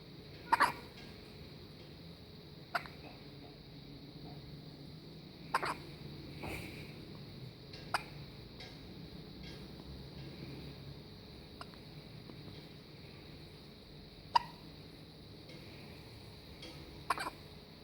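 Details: A baby's hiccups: soft, sharp little catches every few seconds, about seven in eighteen seconds, against quiet room noise; infant hiccups.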